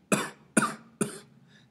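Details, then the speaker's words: Demonstration cough: an adult gives three short, abrupt cough bursts, each a sharp explosive release of air, illustrating how secretions are expelled from the airways. "The secretion is, sometimes quickly or sometimes slowly, pushed out to the secondary bronchi, to the main bronchi, and from there, to the trachea, and it can then go to the stomach to be eliminated, or otherwise, to the nose and mouth to be eliminated through different processes. The sound of this is [coughs]"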